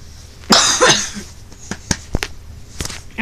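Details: Harsh cough burst followed by a few short throat-clearing sounds and small coughs in a quiet room, from a speaker who says he is sick and not feeling well; cough.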